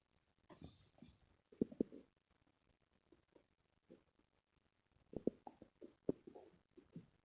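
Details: Quiet, irregular gurgles and bubbling pops with a few sharper clicks; ordinary stomach growling (borborygmi).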